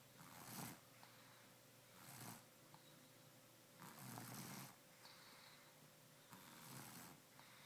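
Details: Person snoring in a hotel room: rhythmic rough snores alternating with breathy exhalations, about four breath cycles, over steady room hum; snoring.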